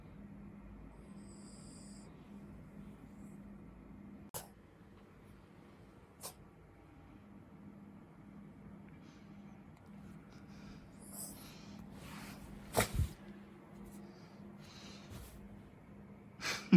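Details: A small dog snoring while sleeping: soft, regular, low snoring at about 15 breaths a minute, broken by a few clicks and louder snorts.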